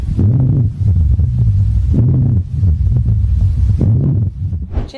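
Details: Low-pitched, snoring-like rumbling breath sounds heard by stethoscope throughout breathing, rhonchi in a severe smoker with chronic obstructive pulmonary disease (COPD).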